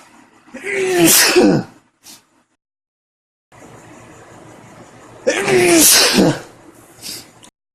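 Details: Male with a cold sneezing through the day: two loud voiced sneezes, each with a rising in-breath and an explosive release, several seconds apart.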